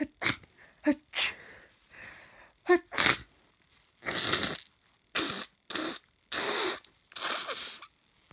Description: I haven’t had much hayfever at all this year but after cutting the grass today - I can’t seem to stop sneezing and now I’m so congested.